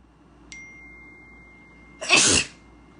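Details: Sneezing from a Black woman who mentions allergies: a brief chime tone, then a single loud, hissing sneeze burst of about half a second against quiet room noise.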